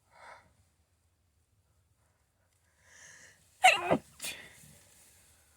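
A quiet sniff and inhale, then two loud sneezes in quick succession: sneezing.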